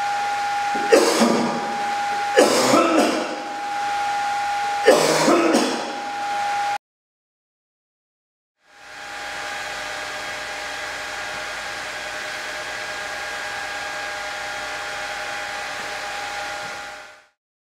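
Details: Three short, harsh, deliberate adult coughs in a laser light-sheet experiment showing droplet and aerosol dispersal, over a steady machine hum, then a pause and fan noise.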